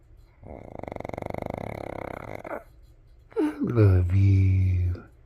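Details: A fluttering, rattling snore-like breath followed by a groaning moan from a female dog that sometimes snores while awake; snoring while awake.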